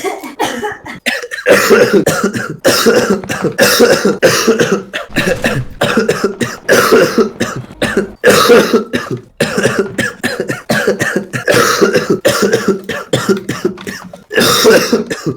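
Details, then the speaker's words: Man coughing all evening: repeated harsh cough bursts in close runs, about twenty in fifteen seconds, with brief catch breaths between; says coughing feels so bad his eyes bulge. "Мне так плохо, когда я кашляю, что такое ощущение, что глаза на лоб вылазят."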